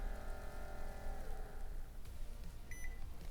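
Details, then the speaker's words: Steady motor hum as the Advocate automatic upper-arm blood pressure monitor cuff inflates after pressing power, falling away, then short beeps at completion in a home-use demonstration; automatic cuff inflation. "We're literally just going to push that power button, wait a moment, and it will inflate over time. It does beep to let you know it's working, and you will hear a little bit of noise."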